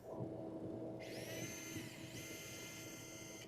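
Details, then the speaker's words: Powered surgical drill on vertebral bone during robotic pedicle screw placement, drilling after the pilot hole: a high steady whine over low room noise and hum. "there's my pilot hole button press again to ensure accuracy same with the drill coming down"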